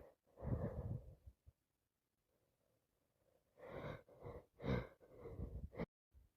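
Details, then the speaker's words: Several breathy, congested sneezes and sniffs with quiet gaps, from someone in bed with a head cold, aching, with a dripping, itchy, congested nose: repeated sneezing. "There we go once again. Sneeze after sneeze after sneeze."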